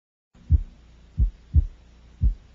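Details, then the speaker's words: Widely split second heart sound in a child, as in right bundle branch block: two heartbeats, each with S2 split wide as P2 is delayed, across inspiration and expiration. "several conditions such as right bundle branch block will increase the separation of A2 and P2"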